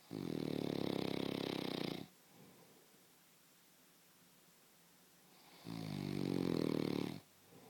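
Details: Husband snoring: two loud, rough, low snores on breathing in, about 2 seconds each, with a quiet pause between; ordinary heavy snoring.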